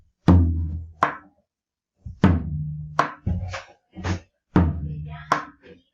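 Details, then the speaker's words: Teaching demonstration imitating heart sounds, not a real patient: muffled (velado) second heart sound, following an intensified R2 version; soft second heart sound. "Si es el R2, sonaría así, si está intensificado. Si está velado, sonaría así."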